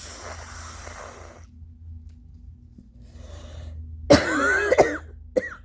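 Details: Long nose-blow followed by about three rough, phlegmy wet productive coughs attributed to allergies, suggesting mucus in the airways.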